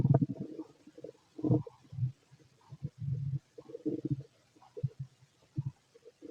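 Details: Fit adult male, stethoscope on the abdomen during digestion after a meal of pastry, chicken, curry, bread, milk, eggs and pasta: irregular low gurgles and rumbles in short bursts with quiet gaps; ordinary bowel sounds.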